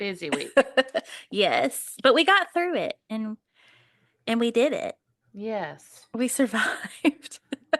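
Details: Adult woman speaking; normal voice.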